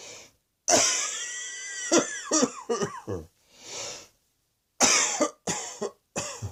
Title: Cross Dressing Coughing 49